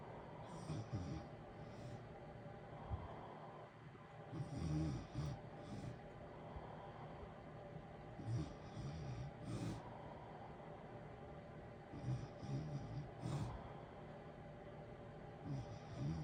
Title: natural snoring ambience with heater white noise in the background blue wavey lights. Sleeping good